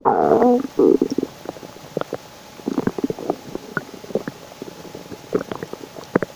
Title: my stomach makes loud noises again 😳😳😁💓